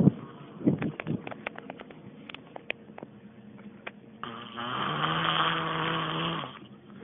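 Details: A person's snoring, described as annoying: scattered clicks and shuffling noises, then one long, buzzing snore on a breath; snoring.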